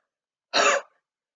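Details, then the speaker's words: Demonstration of huff coughing: a deep breath in through the mouth, then a single breathy, forceful open-mouth exhalation, used to loosen secretions and move them up the airways for coughing out. "Huff coughing is a way for you to be able to loosen secretions and be able to get them out effectively so first you're going to take in a nice deep breath for your mouth and then you're almost gonna huff cough out twice you're going to go"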